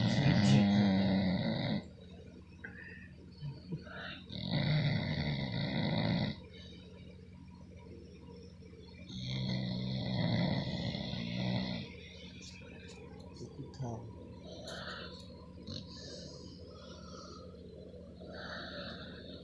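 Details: Female, fast asleep, snoring; loud, deep, rattling snores in slow irregular cycles, about 14 a minute, with quieter pauses between. Heavy snoring.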